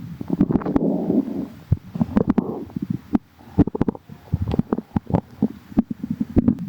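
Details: Person whose tummy hurts: low gurgling rumbles and bubbling pops from the abdomen; stomach growling (borborygmi).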